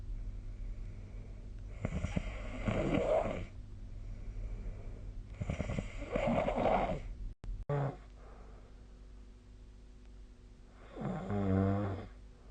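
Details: Sleep snoring recorded with the SnoreLab snoring app: loud, vibrating inspiratory snores of about two seconds each, with a brief snort and faint room hum.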